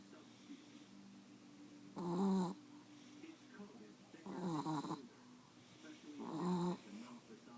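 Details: Sleepy brindle Chihuahua Wutsi snoring: three rough, wheezy snorting breaths about every two seconds.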